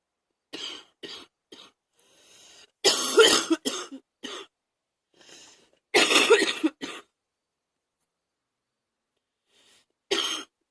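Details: Person with bronchitis having rough coughing fits: repeated harsh coughs in short bursts, some with a throat-clearing quality.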